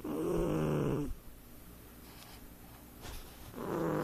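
Loud rumbling breath sounds with a pause between, from a sleeping cat; snoring.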